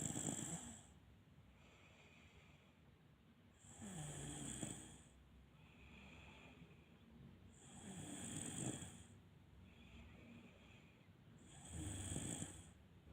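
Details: Continuous snoring without pauses during sleep: regular snores about every four seconds, roughly 15 breaths a minute, with a rattling inhale and a softer exhale.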